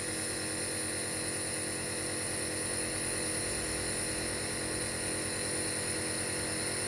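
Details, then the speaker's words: Compressor nebulizer running, a steady hum with fast even rattling pulse, during an adult woman's prescribed inhalation of Berodual for a cold with cough, hard-to-clear sputum and runny nose; no crackles, breathing harsh. "аппарат будет выделять небольшой дымок и tintin ком я буду дышать и посмотрим какой у меня будет эффект включаем домов пошел"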